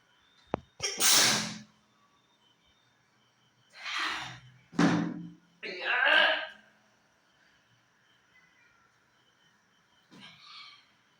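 Several sharp bursts of breath with a hissing spray, likely a run of about four sneezes, with a softer one near the end.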